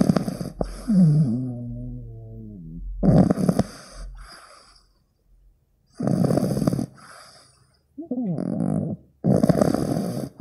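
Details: 15-week-old pug puppy recorded while sleeping: loud, snorting, rattling snores beginning with a drawn-out whistling snore; ordinary puppy snoring.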